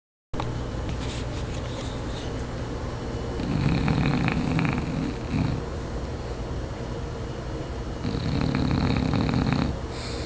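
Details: Roxie, a bulldog sleeping on a hotel couch, snoring: rough, rumbling breathing noise, louder over two long stretches, over steady background noise.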